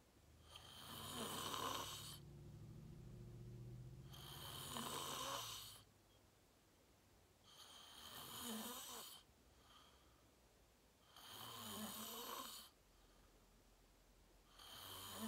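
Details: Real self-recorded sleep; person fell asleep fast, around 8:45, and slept deeply, reportedly REM. Loud, rough snores on each breath in, about 17 a minute, with quiet pauses between them. Loud snoring.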